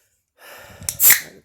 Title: Sneezing Blowing My Nose 👃 🤧